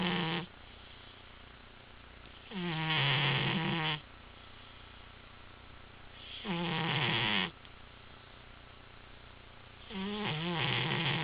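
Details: Female cat napping: loud rattling snores on each breath, about three in eleven seconds, with quiet pauses between; snoring.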